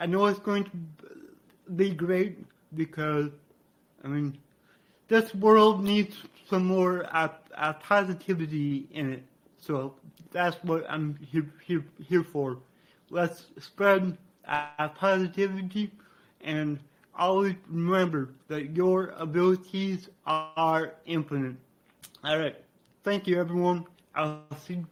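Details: Adult man with dysarthria due to cerebral palsy, which he attributes to brain damage after being born without heartbeat or breathing and being revived.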